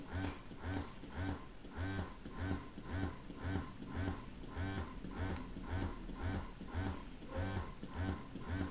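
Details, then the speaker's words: Rhythmic motor pulses, about two a second, with squeaky suction each cycle: Phanpy hospital-grade double electric breast pump running through massage modes. "okay so this is the massage mode this is the suction level you will now be able to visualize how it works how the suction works"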